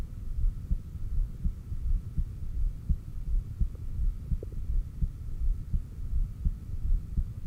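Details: Heartbeat recorded at the apex during exhaled (stomach vacuum) and inhaled breathholds: steady low thumping about 83 beats a minute over faint hum, no extra sounds, occasional stomach growls; normal heart sounds.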